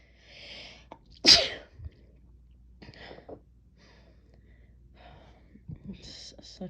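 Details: First sneeze after a new, intense chhinkni snuff: one loud, explosive adult sneeze amid quiet breathy sounds and faint murmuring.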